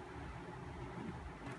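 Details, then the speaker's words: Low, steady motor hum with faint rhythmic rumble from a Doopser 8003-2 double electric breast pump running at a high suction level during unboxing and testing; described as small and quiet; breast pump motor running. "I like it this it's so handy it's so small and it's so quiet"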